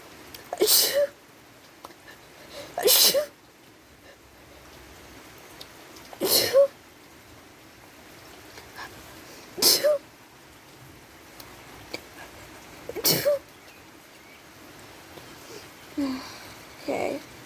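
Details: Person sitting by potted flowers on a porch while it rains sniffs them and gives five sharp, explosive sneezes over about fifteen seconds, then softer sniffs; suspected allergic sneezing from the flowers.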